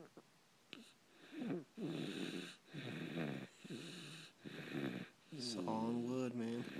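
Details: Sleeping, tired baby boy: repeated short, whistly, rattling snores with each breath roughly every second; ordinary infant snoring.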